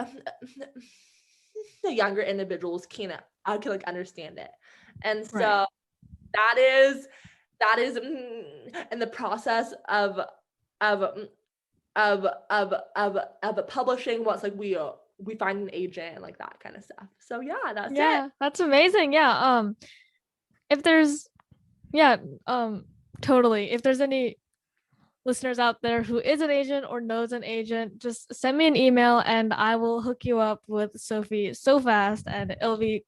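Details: Adult woman who stutters, with repetitions in her speech; stuttering.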